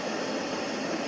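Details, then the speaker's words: BiWaze Cough mechanical cough assist device in manual mode, pause pressure 14 cmH2O: steady rushing airflow of the positive-pressure inspiratory phase, lasting as long as the plus button is held. "La inhalatoria arranca una vez que presiona el signo más y el tiempo"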